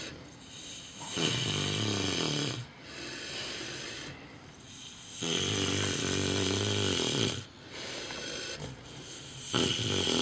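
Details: Micro pig snoring very loudly at night, recorded outdoors: loud, rough snoring with long rattling inhalations separated by quieter exhalations.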